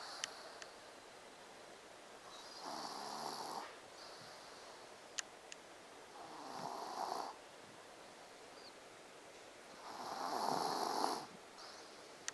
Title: Snoring Baby